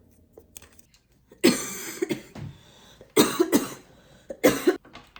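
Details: A student with a two-week cough cold, labelled a cough cold/whooping cough, gives five harsh, wet-sounding coughs in short bursts, spaced by quiet breaths.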